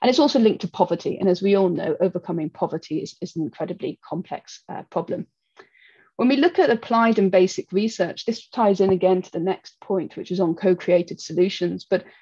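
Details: Adult speaker; typical speech.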